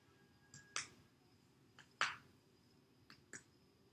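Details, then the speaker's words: Abdominal percussion to measure liver span from above and below, normally 6 to 7 cm: six sharp taps in pairs, with the note shifting from tympanic to dull over the liver. "And so basically I'm going to listen for a change in sounds. It should change from a tympanic area to an area of dullness. And once it changes to dullness, I'm going to mark that point."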